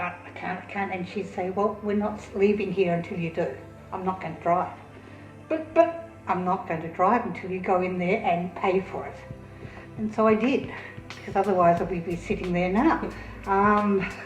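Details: Australian adult woman with aphasia; hesitations and repetitions are audible.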